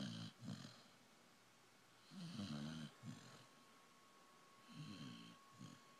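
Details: A dog snoring while asleep: rough, buzzing snores on the in-breath, each followed by a short snort, recurring about every two to three seconds in a quiet room.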